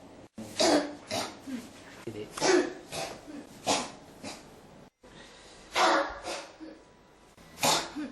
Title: 咳が止まらない 1～28 cough